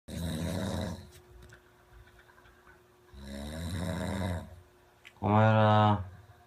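Loud, harsh snores on each breath, with a voiced, groaning snore at the end. A faint steady hum sits in the background.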